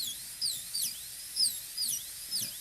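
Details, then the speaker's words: A high-speed handpiece reduces the facial surface, connecting depth cuts to the distal-facial embrasure at the gingival level, on a maxillary typodont tooth for a PFM crown prep; its high-pitched whine rises and dips as it cuts. "And then we can double check the angle again and start reducing here. We're going to connect this depth cut to the one in the distal facial embrasure."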